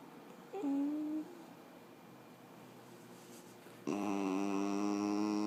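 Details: Female puggle just home from spay surgery: sustained tonal whines and a steady moaning hum in a quiet room, post-operative whining vocalization.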